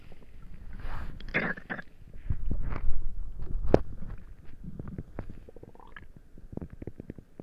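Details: Frequent bubbling, squelching gurgles and low rumbles from the belly during a tummy ache; active bowel sounds (borborygmi).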